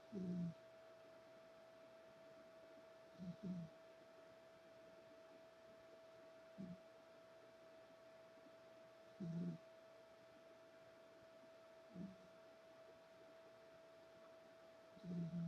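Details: Sleeping cat snoring: soft, low snorting breaths about ten times a minute over a steady background hum.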